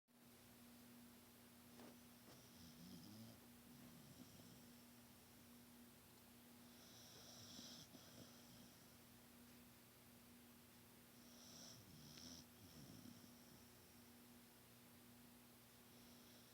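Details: Bulldog snoring: soft, irregular snorting breaths with faint rattles over a steady background hum.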